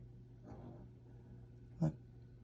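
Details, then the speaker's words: Dog snoring quietly in the background of an indoor recording: faint low rattling breaths, then a brief snort, over a steady room hum. "you know if you can hear my dog snoring in the back sorry"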